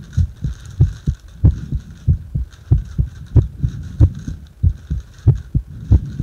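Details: Regular low lub-dub heartbeats at about 92 per minute during paper-bag rebreathing, with a soft steady hum behind.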